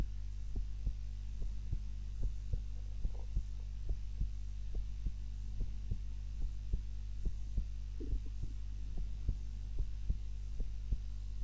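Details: Steady soft thumping heartbeat, about 72 a minute, over a constant low hum; own heart recorded by timer during a daytime nap, lying on the back (supine) rather than the usual prone position; normal resting heart sounds.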